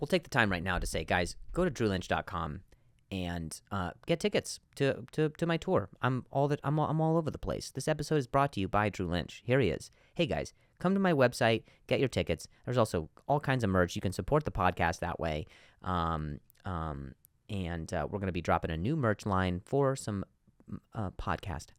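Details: Adult man, real stuttering in spontaneous speech with sound and word repetitions.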